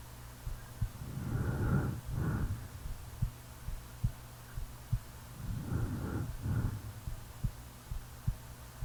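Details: Real recording of a person sleeping: soft, regular, low heartbeat thumps under two loud snoring breaths, with a steady low hum in the background.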